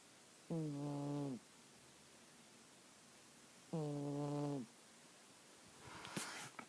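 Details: Sleeping female cat snoring loudly: two droning snores about three seconds apart, roughly 19 breaths a minute.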